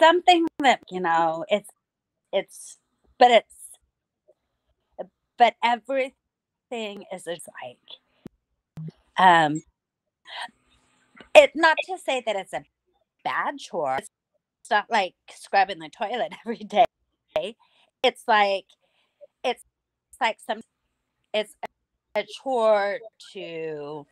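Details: Post-stroke aphasia in an adult woman about nine years after strokes from a carotid artery tear, the first two hemorrhagic. She relearned speech with a speech pathologist through singing and also has memory problems.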